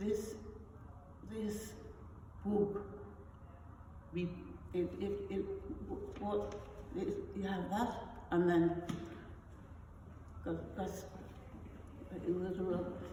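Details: Non-fluent aphasia after a stroke in an adult woman, initially mute, with rare foreign accent syndrome (Russian, then East European, then German accent); non-fluent aphasia with foreign accent syndrome.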